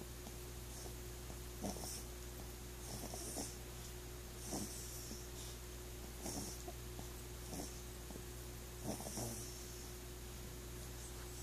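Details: Sleeping animal: soft, recurring snuffling breaths every second or two over a steady background hum; light snoring.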